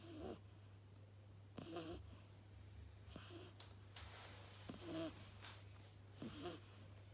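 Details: An 8-week-old Beagle puppy snoring while asleep: soft, irregular snuffling snores with squeaky nasal breaths over a low steady hum.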